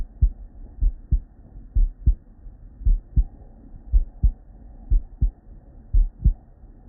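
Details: Real, unedited human heart sounds recorded at the bedside with a stethoscope from a patient with normal cardiac physiology: regular lub-dub at about 58 beats a minute, crisp S1 and S2; normal heart sounds.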